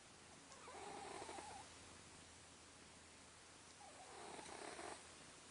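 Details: Two slow, rough, rattling breath sounds about three seconds apart over steady background hiss; snoring.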